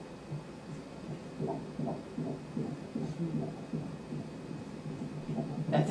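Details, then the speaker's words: Fetal heartbeat on ultrasound Doppler during a pregnancy scan, described by the examiner as a nice strong heartbeat. "What's the heartbeat? Give me just a minute. Nice strong heartbeat."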